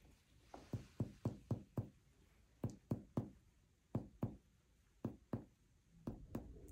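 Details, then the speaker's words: Finger percussion down the right chest from the nipple line during an abdominal exam, the note shifting from resonant lung to dull at the liver's upper border; liver span about 2.5 inches. "Everybody hear the difference? Right there, it's like duh, dead."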